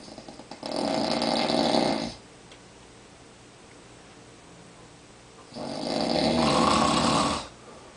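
Two long, loud, harsh rattling snores on inhalation, with quiet breathing between them. Heavy habitual snoring.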